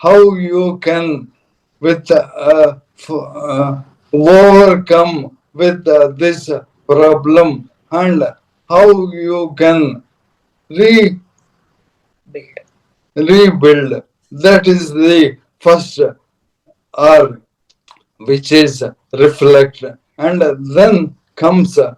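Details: Dysarthria in an adult man: Parkinson's disease from 2022, diagnosed late, very severely affecting speech and mobility; later diagnosed with ALS / motor neuron disease last year.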